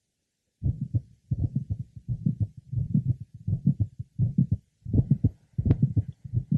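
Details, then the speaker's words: 47-year-old woman with mitral valve prolapse and straight back syndrome, heard at the apex: several early to mid-systolic clicks without a systolic murmur, with respiratory variation of the clicks. "we're listening at the Apex and several early to mid systolic clicks are heard"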